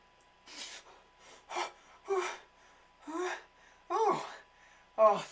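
About six rising, breathy inward gasps, each louder than the last, like the build-up before a sneeze. Acted for comedy.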